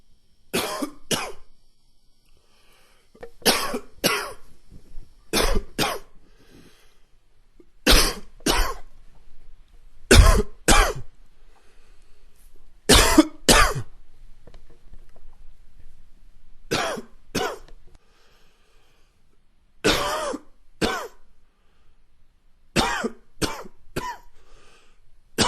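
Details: Repeated harsh coughs in short clusters of two or three from a smoker in the morning; smoker's cough.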